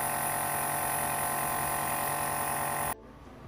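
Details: Loud, steady mechanical hum and buzz of an Omron nebulizer compressor running at home for an adult with asthma and allergies, then stopping abruptly, leaving quiet room noise.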